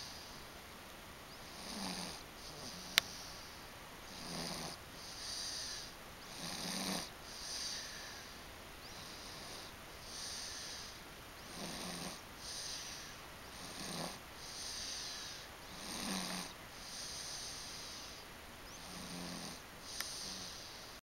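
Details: Napping on mom's lap and snoring: soft, regular snoring breaths, about eleven in twenty seconds (roughly 33 a minute), in a quiet room.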